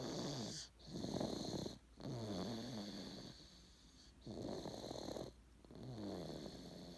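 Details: A person snoring.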